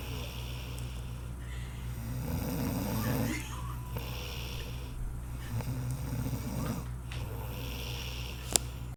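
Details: A sister dozing and snoring: low rumbling breathing with slow rough swells and a soft snort near the end, over steady room hum; snoring.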